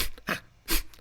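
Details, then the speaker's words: Person imitating the rallying "sneeze" of African wild dogs before a hunt: two short, sharp nasal exhales through the nostrils. "These sneezes, this is adorable, are characterized by a short, sharp exhale through the nostrils. Like this."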